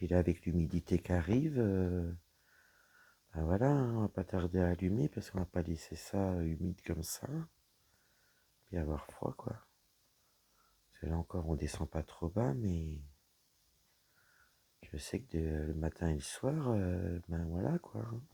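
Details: Woman whose vocal cords were damaged by a serious health problem; she reports her voice is now deeper than before, at times she has little voice, and she cannot speak loudly. Dysphonia with low-pitched voice from vocal fold damage.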